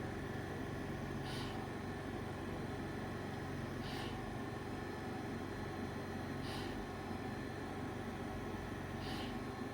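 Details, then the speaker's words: Varon portable oxygen concentrator just switched on; unusually loud steady fan hum with a soft hissing nitrogen discharge about every 3 seconds, faster than the typical 8–10 seconds; portable oxygen concentrator fan noise. "Just talked to us initial kind of things I'm hearing. The fan is very loud, which is kind of interesting."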